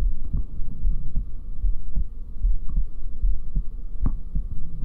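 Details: ASMR trigger-sound recording: steady, low thumping heartbeat at about 75 beats a minute under a constant low hum; an ordinary heartbeat.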